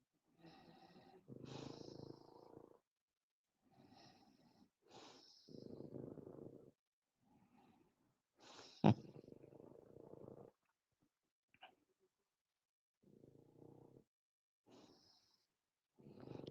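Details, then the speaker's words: A sleeping dog snores in rough, rattling bursts, each breath in followed by a quieter breath out. "Sound like a dog snoring. Yes, you can hear my dog snoring. So, Ron Ron is snoring. Anyone hear Ron Ron snoring?"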